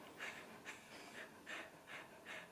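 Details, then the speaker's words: Dog after an epileptic seizure, somewhat stressed, with reverse sneezing-like coughing after the attack: rapid, regular panting breaths, about two a second; post-ictal panting. "ona troszkę jest zestresowana bo mąż kręci ale tak to właśnie wygląda pies teraz zieje nawet chyba słychać tak"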